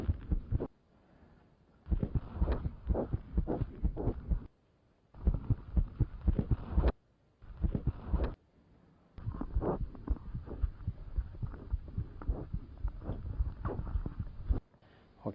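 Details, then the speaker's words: Stethoscope auscultation of a newborn girl's lungs during a newborn examination; soft breathing under rapid heartbeats, judged perfectly fine; normal newborn breath sounds. "I need to listen to her lungs on her back too she may not like being turned around i' want to see how it goes I know not fun and as I expected her breathing was perfectly fine okay honey"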